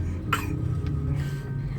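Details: Single short, light voluntary cough made on request by young child, who has a real cough and cold and is on the way to a clinic for nebulization, over a steady low rumble.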